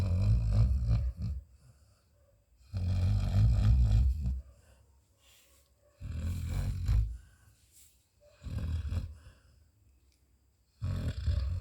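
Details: Sleeping Labrador snoring: loud, low rumbling snores with quiet gaps, about five in 12 seconds (roughly 25 a minute).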